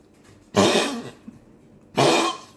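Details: Dog's cough that worsened overnight, with laboured breathing for a second day: two harsh, forceful cough bursts, each about half a second, separated by a brief pause in a quiet room.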